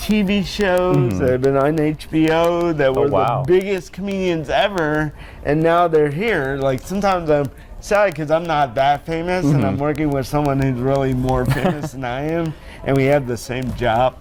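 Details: Mild dysarthria in an adult man born with cerebral palsy, which he describes as very mild, with little balance or strength, and links to damage in the brain area that controls muscles.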